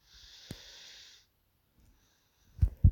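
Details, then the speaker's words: Sleeping baby girl with a cold and a stuffy nose: a faint hissing breath, then low snorting bursts of congested snoring. "Oh yeah, if you can hear baby snoring, apologies, but she's not been well at the moment, so she's a little bit stuffed up."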